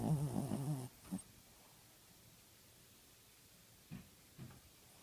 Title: Chihuahua snoring and sleeping with his eyes open.